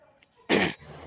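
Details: A single harsh throat-clearing burst in a quiet room, from a speaker who says their throat is hoarse and their voice has gone rough.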